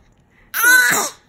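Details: An infant makes a single short voiced cough-like sound, a playful imitated cough rather than a true cough; pretend cough.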